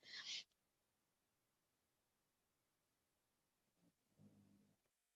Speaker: you can hear that that's my dog snoring